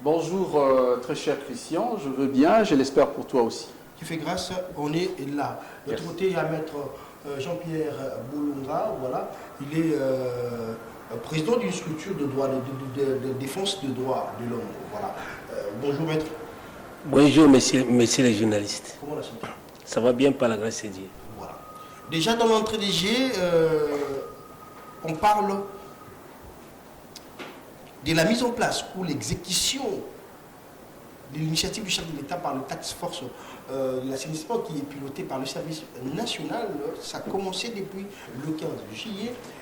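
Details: Adult man who says he stutters (self-identified stammerer), speaking French spontaneously with repeated syllables: stuttering.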